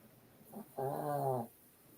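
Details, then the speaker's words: Pet dog snoring on the couch: a brief soft snuffle followed by a single low, drawn-out snoring breath with a faint buzzy hum, quiet room background. "Peggy don't hear the hard drive but do you hear the dog snoring"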